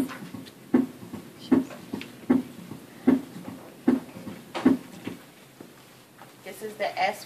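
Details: Simulated adult heart on a thorax simulator at the apex, about 77 beats a minute, S4 gallop: an extra sound just before the first heart sound.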